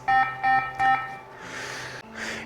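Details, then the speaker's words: Three short, steady tonal beeps, then a rush of airflow: the disconnection alarm of an AIRVO 2 high-flow oxygen device as the patient is disconnected and reconnected with a nebulizer added inline for transport. "you're gonna hear a brief alarm as I disconnect the patient then reconnect it with the Arrogant in line"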